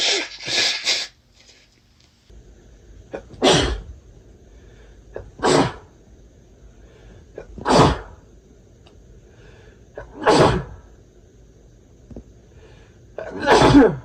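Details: Adult man with a cold having a sneezing fit: run of five sharp, explosive sneezes about every two seconds, with a brief voiced sound at the start.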